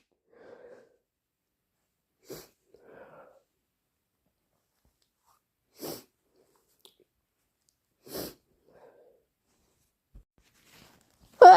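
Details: Induced hay fever sneezing: quiet breathy build-ups followed by three or four short sneezes, then a louder final burst, plus nose blowing.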